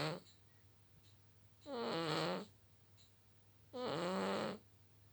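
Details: Two drawn-out, buzzy, slightly whining breath sounds about two seconds apart, with quiet pauses, from a sleeping red cat; snoring.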